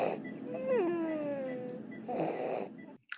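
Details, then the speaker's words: Child with croup, sleeping quietly about an hour after steroid treatment and likely to be admitted: harsh high-pitched crowing noise on each breath in, inspiratory stridor at rest from upper airway narrowing. "so that's the child having a group attack and essentially start limiting a lot of it and child will probably grow out of it"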